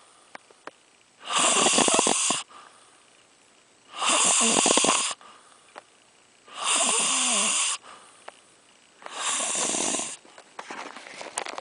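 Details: Four loud, harsh, rasping snores with quiet pauses between, about five a minute, from a sleeper called a "snoring bear", recorded during a puppet show; snoring.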